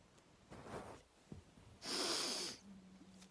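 Faint nasal breaths followed by one forceful hissing snort-like sneeze through the nose, lasting under a second, in a quiet room.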